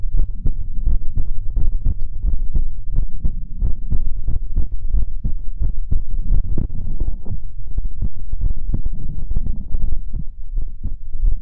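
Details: Heartbeat recorded up close for ASMR: deep, steady, rapid low thumps throughout.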